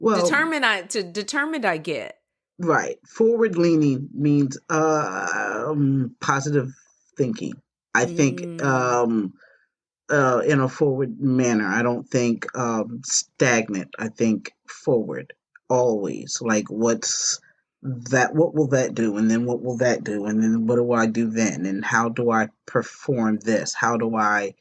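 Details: Aphasia in an adult woman, a stroke survivor.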